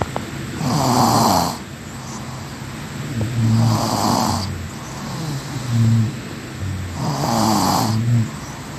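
Loud, rough snoring breaths recur about every three seconds, roughly 20 a minute, with quieter breathing between them.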